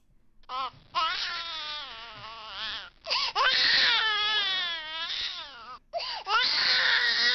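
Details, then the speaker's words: A baby cries in long, wavering, high-pitched wails separated by brief catches of breath, used as a sample of one of the worst sounds to the human ear. "number three is a baby crying oh geez we have this miserable looking creature let's listen oh"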